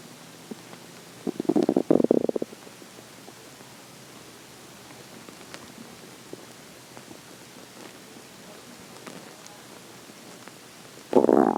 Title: morning stomach growling